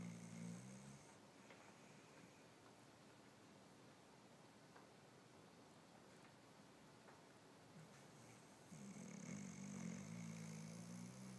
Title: Snoring dog haha